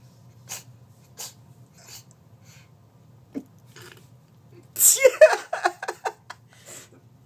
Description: Harry the cat is a sneeze machine